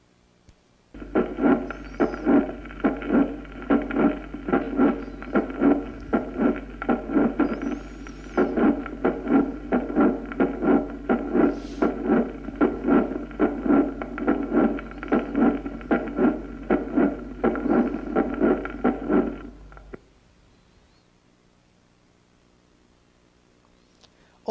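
Regular heartbeat at about 76 a minute with a rough systolic murmur building toward the second sound: a crescendo late systolic murmur of mitral regurgitation, over steady hum.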